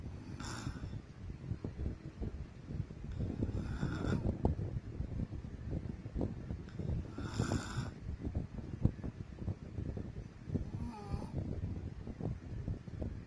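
Low, rattling snores repeating with each breath, with steady background noise: ordinary sleep snoring.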